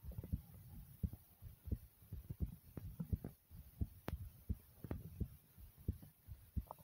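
Soft low thumps in a fairly steady rhythm at about 85 a minute over faint room hiss; an ordinary heartbeat.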